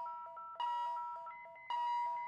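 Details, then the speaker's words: Philips HeartStart MRx defibrillator charging at 100 joules in synchronized mode for cardioversion in a hypotensive patient with chest pain and decreased consciousness; short beeps then a sustained steady charging tone. "We'll press the Sync button ,we'll press charge,"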